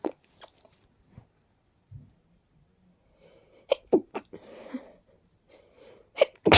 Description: Too big to stifle... really tickly. I felt so congested... agh..